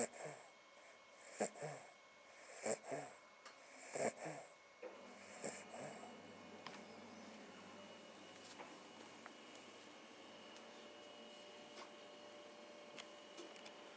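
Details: Sleeping dog curled up in a basin, snoring: short snorting breaths about 40 a minute for several seconds, then fading to quiet room noise.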